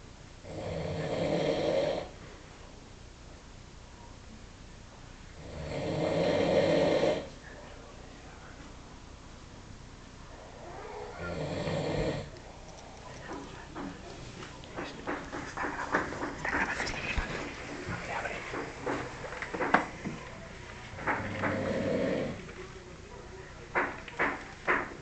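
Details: Person snoring during sleep: loud, rattling snores roughly every five seconds, with scattered clicks and room noise between; snoring.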